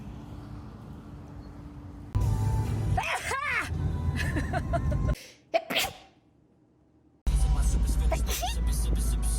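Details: Demonstration of different types of sneezes: sharp bursts with a drawn-in breath and explosive release, over room and traffic noise.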